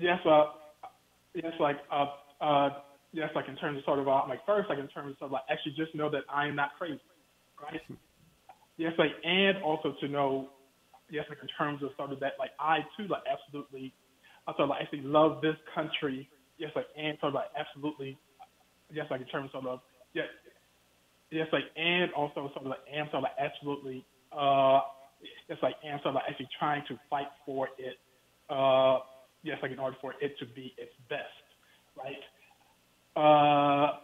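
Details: Stuttering in an adult male professor speaking in a phone interview, who has told the host that he stutters.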